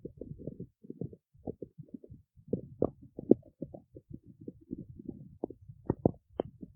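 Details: Stomach growling recorded in the city: rapid, irregular gurgling and bubbling rumbles running on continuously; borborygmi.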